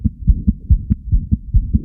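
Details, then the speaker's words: Rapid newborn heartbeat with a low continuous rumbling murmur filling the gaps between beats, an audio example of patent ductus arteriosus from a newborn-examination teaching app; PDA murmur. "Here we've got some audio of a patent ductus arteriosus. Can you hear that?"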